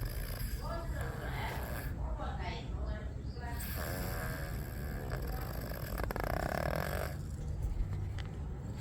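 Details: Sleeping stray cat snoring very loudly: repeated rough, fluttering snores over several breaths against steady background noise.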